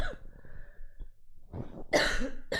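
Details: A few rough coughs with throat clearing in a quiet room from a livestreamer who is sick with a sore throat and mentions smoking.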